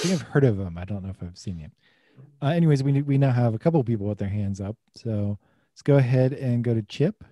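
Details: Adult man; no speech disorder.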